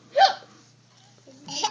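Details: A young child has hiccups: two short, abrupt voiced catches about a second and a half apart.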